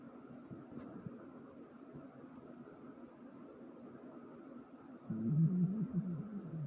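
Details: Stomach growling (borborygmi).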